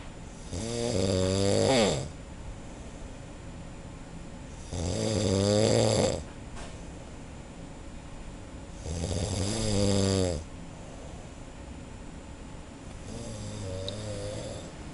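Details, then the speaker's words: Adult man asleep in a laboratory darkroom, heard from outside at 12:15: loud, rattling snores on each in-breath, about 14 a minute, with quiet pauses between. "然后我们实验室的黑暗房里面有一位老兄正在肆无忌惮的打呼，传到我们外面来。"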